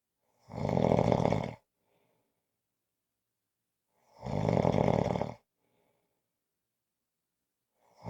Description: This is a 5-minute clip of snoring. Attached at the end is a longer audio if you want more!